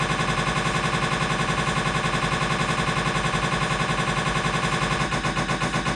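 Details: Siemens MAGNETOM Lumina 3 T MRI scanner, lumbar spine exam: loud, steady, rapid mechanical knocking at about 160 pulses a minute, typical of a spin echo sequence; MRI scanner noise.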